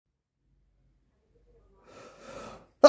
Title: Sneeze Sound Effect | Human Sounds